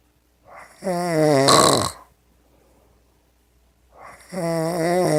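Loud, rough, vibrating snores on each breath in, with quiet gaps between; snoring.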